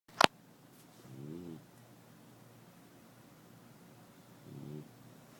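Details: A sleeper gently snoring on a couch: two soft, low, rattling breaths a few seconds apart after a sharp click, in a quiet room.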